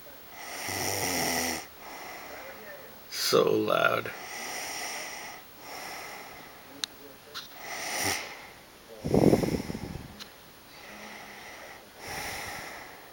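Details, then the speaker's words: Loud, irregular snores with rattling, snorting bursts between softer breaths from a woman asleep, recorded by her boyfriend with her cat nearby; snoring. "Okay, I just want you to see this and hear the amount you're snoring so that you know I'm not an asshole. The cat doesn't seem to mind."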